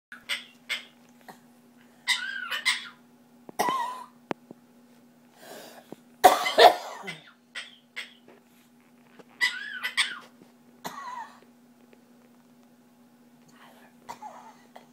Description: This is Skyler, my Quaker, imitating me coughing